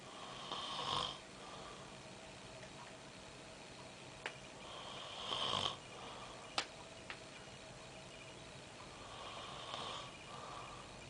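Rough, rattling breaths repeating about every four to five seconds, about 13 a minute, over steady room noise: snoring.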